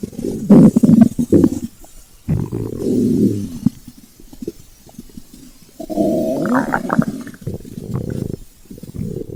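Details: Stomach growling from hunger (ASMR recording): loud gurgling, rumbling bowel sounds in several long bursts with quieter gaps; ordinary borborygmi.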